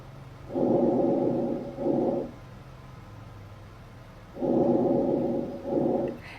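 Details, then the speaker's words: Diminished breath sounds auscultated during a nursing lung assessment: two quiet, muffled breaths with hollow airflow like breathing through a snorkel, indicating reduced air movement and incomplete gas exchange. "it almost sounds like when you're like scuba diving or breathing through a snorkel diminished breath sounds you're not getting the full exchange of gas and air"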